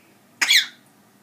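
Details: One short, sharp cough-like burst from an 8-month-old African grey parrot (Charlie) imitating the owner's dad's deep cough; mimicry, not illness.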